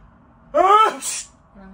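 One acted sneeze: a voiced rising 'ah' followed by a sharp hissing 'choo', performed for a camera.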